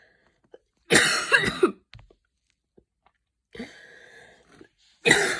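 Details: After an evening run in cold air, a person with asthma gives a harsh burst of rapid coughs, then a high whistling wheezy in-breath, then another cough: an asthmatic coughing fit.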